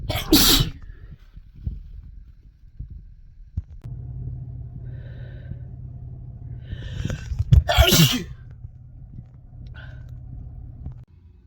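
Two forceful, explosive sneezes, one at the start and one later after a short in-breath, over a steady low background hum.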